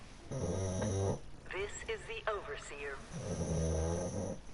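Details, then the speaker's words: Two deep, rumbling snores about three seconds apart from a sleeping dog, with game sounds between them: ordinary snoring. "and of course you can hear Leo he is sleeping and snoring some logs"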